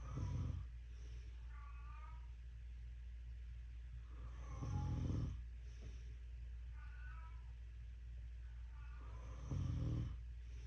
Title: Calico Cat talking to herself at 2am while my mom is snoring a storm. ⛈️ 😂